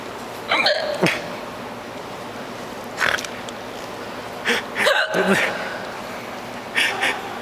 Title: hiccup listen